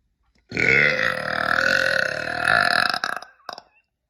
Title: i am the real. #burp #belching #girlburp.